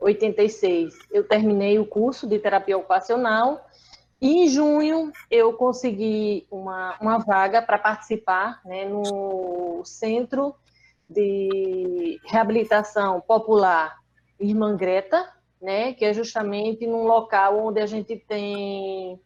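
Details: Adult woman with aphasia after a stroke in December 2016, about three and a half years post-onset; still finds figurative language difficult and needs others to speak slowly: aphasia.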